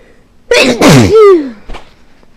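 A single sneeze: a quick intake, then a forceful explosive burst ending in a falling voiced tail, in a quiet room.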